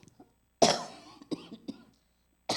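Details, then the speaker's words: One strong cough followed by a few shorter throat-clearing coughs in an adult with asthma since their thirties, a cough that recurred before a church camp. "제가 기침이 제가 30대부터 천식이 좀 있었어요"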